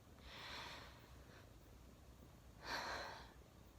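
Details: Two soft, rushing nasal snorts about two seconds apart in a quiet room, from a person with frequent, increasingly severe sneezes recently and a jaw that locks up with them.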